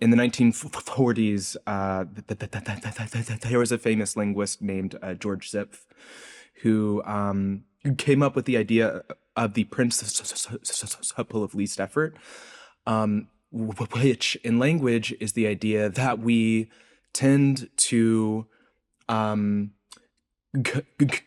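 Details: Adult male postdoctoral researcher who self-reports a speech impediment heard throughout his interview; word repetitions, with sound repetitions and prolongations; stuttering (disfluent speech).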